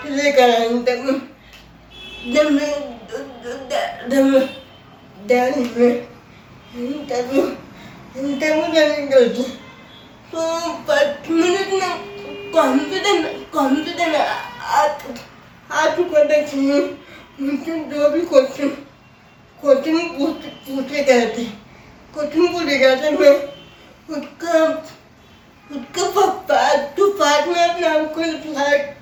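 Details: Adult woman with cerebral palsy who speaks with difficulty; her teacher says she could not be understood in class because she did not speak clearly: dysarthria (cerebral palsy).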